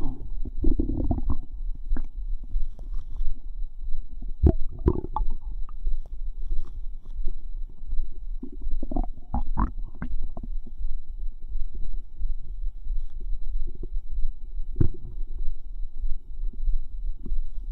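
Low gurgling, bubbling and squelching rumbles from the abdomen, coming in irregular bursts: bowel sounds from gas and fluid moving through the gut.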